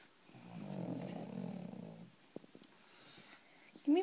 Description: Ruby pug was so exhausted by her walk that she lay snoring on er back while I dried her paws.